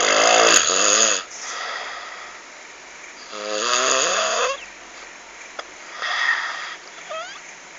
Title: suara ngorok menyeramkan